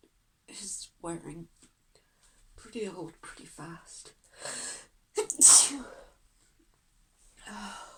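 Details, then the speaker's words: Female with a sneezing fit she cannot stop: one loud, explosive sneeze amid breathy, strained sounds, with softer bursts around it, as she says she wants to stop sneezing. "I just kind of want to stop. Okay. I'm gonna try and stop him. Oh God. Oh, I got a lot to do today. I really want to not keep sneezing."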